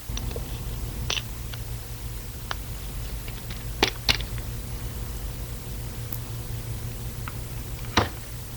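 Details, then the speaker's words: Scattered small metallic clicks and taps over room hum: a dental anaesthetic syringe being loaded, the last two taps engaging the plunger in the cartridge's rubber stopper. "the hint is it's something that everybody dreads everybody dreads and if we can tell you that we don't have to use it then you'd be happy that's the sound of me loading the anaesthetic syringe"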